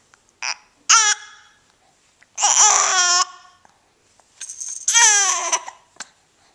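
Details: Fussing infant cry: short high-pitched cries and whimpers in three bursts with brief catches between, from a baby interrupted and frustrated by hiccups while babbling.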